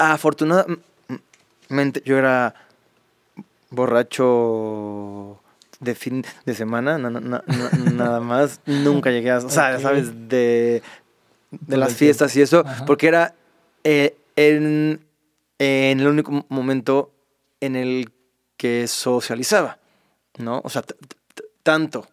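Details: Adult Mexican male singer who has stuttered since childhood, worst in adulthood, after many childhood speech therapies and a learned breathing-based fluency technique, with part-word repetitions; stuttering.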